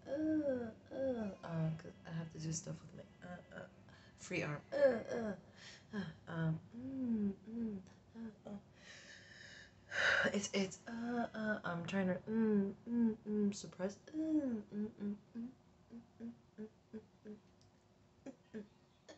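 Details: Adult in a tic attack, recording new tics: rapid, irregular bursts of short vocal sounds, squeaks, gasps and sudden pitch swoops, vocal tics.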